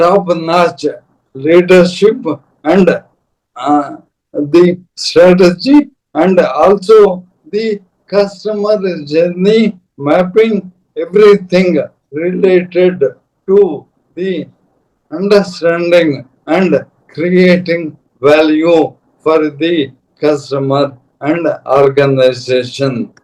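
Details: Adult man, a corporate strategist of 30+ years, with Parkinson's from 2022, diagnosed late, later ALS (motor neuron disease); mobility and speech very severely affected; slow speech with long pauses; dysarthria (ALS / motor neuron disease).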